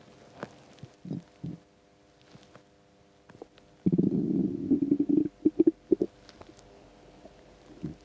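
Low gurgling rumbles and short bubbling pops from an empty stomach in a quiet room; normal bowel sounds of hunger.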